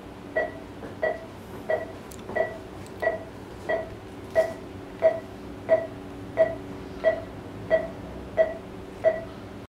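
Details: Anaesthesia monitor on a Shih Tzu dog during bladder stone removal surgery under gas anaesthesia with oxygen: steady pulse beeps at about 90 a minute over quiet room hum.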